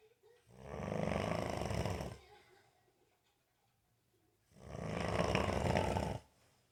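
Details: Snoring in a 28-year-old man unaware he snores: two long, loud, fluttering snores a few seconds apart with silence between; ordinary heavy snoring.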